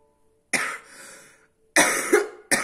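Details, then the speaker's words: Three harsh coughs from someone still somewhat ill, the first trailing into a breathy rasp; lingering cough during recovery from a mild illness; cough. "Je bois un petit coup pour m'éclaircir la gorge parce que, comme vous l'entendez, je tousse encore. Je suis encore un petit peu malade."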